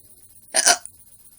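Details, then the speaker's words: 14-year-old has hiccups while recording in their room, some squeaky "Pika Chew"-like hiccups; blames baby carrots: hiccup. "Sometimes my hiccups sound like this. A little bit. Pika Chew!"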